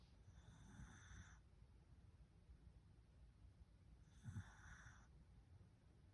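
Two soft, faint whistling breath sounds about four seconds apart over room hiss: quiet snoring from a sleeping dog.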